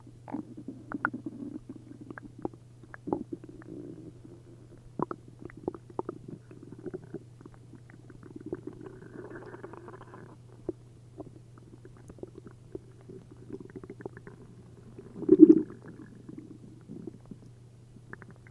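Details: Adult's belly after drinking a liter each of milk and prune juice, upset stomach: frequent gurgling and bubbling with one loud rumble near the end. Hyperactive bowel sounds (borborygmi).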